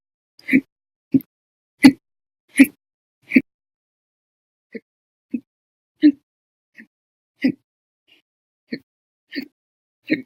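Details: Hiccups recorded 9/11/19, described as violent, loud and bad, some silent, audio only.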